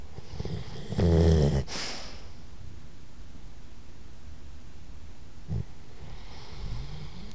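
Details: Sleeping chocolate Labrador, possibly dreaming: a single loud, low snort followed by quiet breathing, with faint soft snuffles later; snoring.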